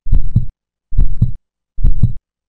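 Simulated heart sounds with a split second sound during inspiration, a normal finding.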